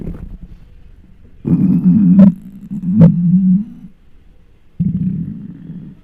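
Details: Long, low, groaning rumbles with a few sharp pops, recorded with a microphone close to a very hungry belly: borborygmi, loud hunger stomach growling.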